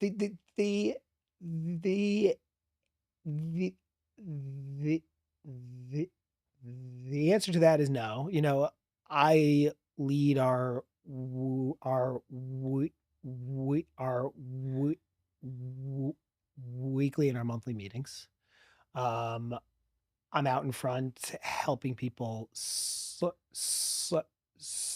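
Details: Adult man, about 40, who has stuttered since childhood; part-word repetitions and blocks; stuttering.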